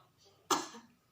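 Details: Woman with difficulty bringing up phlegm, doing nurse-guided deep breathing, effective coughing and postural drainage; a single short, forceful deliberate cough in a quiet room.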